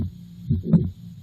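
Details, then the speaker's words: Teaching recording of the murmur of mitral valve prolapse with mitral regurgitation: low heart thumps with a soft rushing sound between them. "So I'm going to play you an example of the murmur of mitro valve prolapse. Now this is a challenging murmur to identify."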